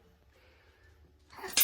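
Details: Young child during his first "big kid" chiropractic adjustment: a quiet room, then a single sudden, sharp sneeze.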